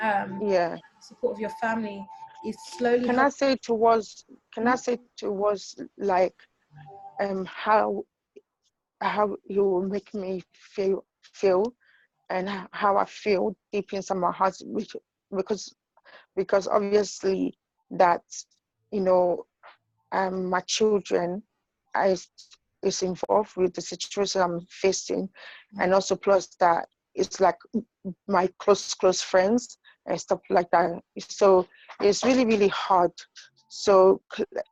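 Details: Adult woman with intracranial hypertension and sight loss who says she stutters and finds known words such as "book" hard to say because of her condition; stuttering.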